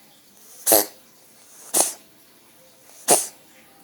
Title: kucing batuk lucu banget